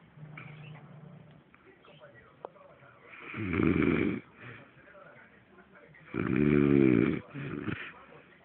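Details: Loud, rattling, pig-like snores on the in-breath with short grunting follow-ups from a man sleeping; heavy snoring.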